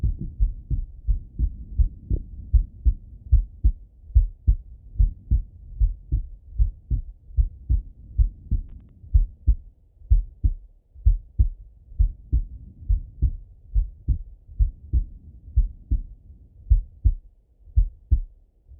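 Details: Full heart auscultation through a stethoscope on a male, recorded either sitting at a desk or lying in bed: steady low lub-dub beats at about 90 a minute with no extra sounds between them, normal heart sounds.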